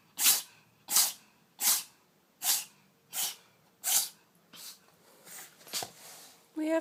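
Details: Pet cat sneezing: six sharp, hissy, explosive sneezes in quick succession, then softer snuffles.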